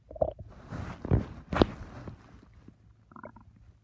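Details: Low gurgling and rumbling bursts, then softer bubbling; ordinary stomach rumbling from moving gas and fluid in the gut.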